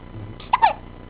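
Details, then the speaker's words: Baby boy with big hiccups in a quiet room: a brief, sharp voiced catch of breath followed by a small vocal sound; mother says these are the hiccups she felt, sometimes twice a day. "Those are some big hiccups. Those are some big hiccups."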